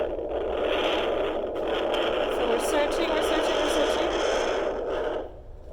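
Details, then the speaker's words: Pregnant mother at 36 weeks, baby head down, uses a Neeva home fetal Doppler with ultrasound gel on her lower belly: whooshing static with a fast, rhythmic pulsing fetal heartbeat while she speaks. "I hear it listen can you hear that that's his heartbeat"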